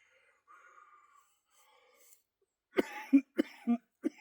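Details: Person with cystic fibrosis during a chest workout of bodyweight dips, reporting mucus in the upper lungs and wheezing: after quiet seconds, about three harsh coughs with voiced, rattly tails, a productive cough.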